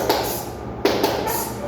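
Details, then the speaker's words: A speaker vocally imitates an animal's heart murmur: breathy whooshing bursts for blood flowing backward with each contraction through poorly closing valves, left- or right-sided. Heart murmur (vocal imitation). "Porque cada vez que él se contrae, se devuelve la sangre hacia atrás. Y eso se llama soplo y ocurre por mal cerrado de las válvulas cardíacas."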